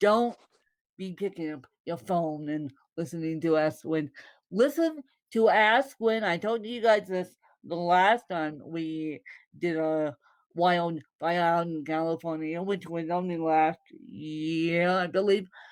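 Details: Dysarthric speech in a woman born with cerebral palsy (congenital); no speech disorder is named by the source.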